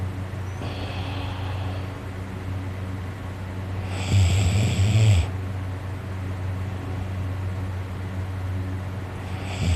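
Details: Very tired person asleep, snoring so much their throat is sore: a single loud, rough snore amid quieter heavy breathing over a steady low background hum.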